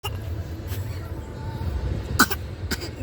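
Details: Child deliberately fake coughing: several short cough bursts over a steady low rumble like a moving vehicle; voluntary cough.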